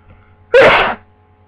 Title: Cold sneezes with tissues